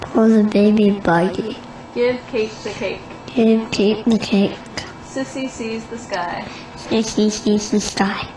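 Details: Child with velopharyngeal mislearning: the palate closes fully for all speech sounds except /s/, where it opens and air escapes nasally as a nasal fricative error; phoneme-specific nasal air emission.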